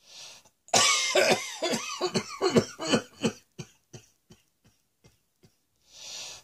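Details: Coughing while lying on a bed, exhausted after prolonged coughing.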